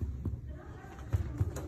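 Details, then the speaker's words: Percussion over the suprapubic area, tapping down from the umbilicus to the symphysis pubis, with the patient lying flat during an abdominal exam. The note is resonant, which indicates an empty bladder (a full bladder sounds dull). "الين السيفس بيوبس. اذا كانت البلدر فاضيه بيكون الصوت ريزونانس، اذا كانت مليانه بيكون الصوت دل."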